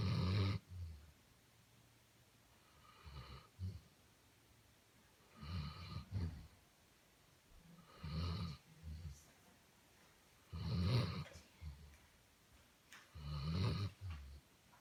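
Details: Sleeping Basset Hound with deep, fluttering snores broken by snorts, about 20 breaths per minute: snoring.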